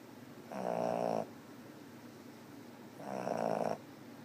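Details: Sleeping cat: two buzzing, fluttery snores about two and a half seconds apart; snoring.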